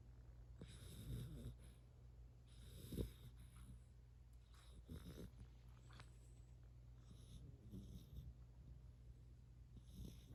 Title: A Three Month Old Yellow Labrador Retriever Snores Like Hooman 💤